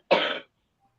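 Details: Single short, harsh adult cough, apparently from the speaker's sleeping partner in the background, then silence; cough.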